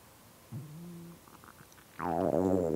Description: I haven't ate almost a day! My stomach won't stop moaning at me cuz it's super empty.. 😭